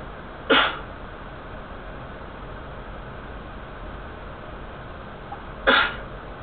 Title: Sneezing!